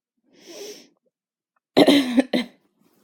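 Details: Two sharp coughs close together after a soft breathy sound, from a woman coughing, attributed to the heat.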